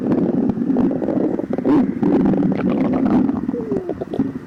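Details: Hungry stomach growling before and after drinking milk after 12 hours without eating, in a person with severe lactose intolerance; continuous bubbling, gurgling rumbles with brief squeaky gliding tones (borborygmi).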